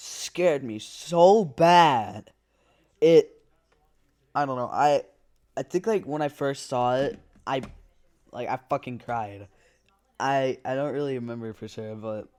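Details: Stuttering in a male narrator reading a story aloud, who says his stutter is getting kind of bad.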